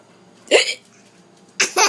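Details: Two abrupt, short gulping hiccups about a second apart in a quiet room; the caption says the mother has hiccups and a child laughs, while a speaker says the baby got the hiccups.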